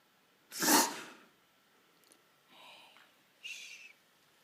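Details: Greyhound reverse sneezing (mechanosensitive aspiration reflex): loud, harsh snorting burst followed by two softer snorts.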